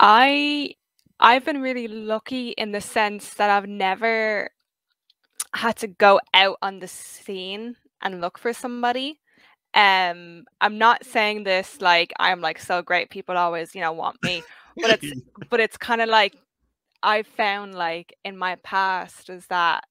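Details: 23-year-old woman who has stuttered since age five; stuttering.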